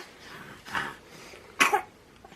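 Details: Two short coughs, the second louder and sharper, in a quiet room, from a sick, congested, teething baby at bedtime.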